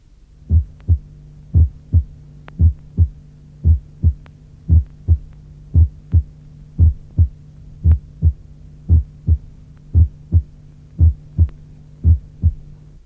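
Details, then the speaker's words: Split first heart sound heard between the apex and the sternum: a steady beat near 57/min, with S1 as two close components of nearly equal intensity. "Entre la pointe et le sternum, il est possible de reconnaître deux composantes d’intensité presque égale."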